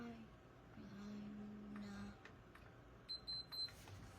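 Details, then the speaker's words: Child with Sanfilippo syndrome getting his overnight G-tube feed at about 7 pm, a feed that runs about 10 hours: a short run of rapid high-pitched beeps over quiet room noise as the enteral feeding pump signals the feed has started. "so the the the beeps that you just heard the rapid beeps that you just heard was the signal of the pump that has it has begun so his nightly feed has started"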